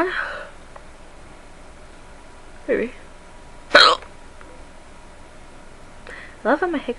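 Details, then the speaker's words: Hiccups recorded by the person having them, who says they feel funny: several abrupt, short voiced 'hic' sounds a second or more apart, between quiet breaths. "I know how much you guys like hiccups and well I was going to do another lawn minute VCH video but these started happening so I'm like you know what I'll give my hiccup video man these feel funny they literally sound like they're going go they"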